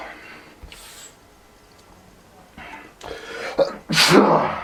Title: CAN'T STOP MYSELF FROM SNEEZING BECAUSE OF AWFUL ALLERGIES!!!!!!